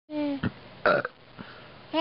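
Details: Big burps: a couple of loud, low, rumbling belches in quick succession.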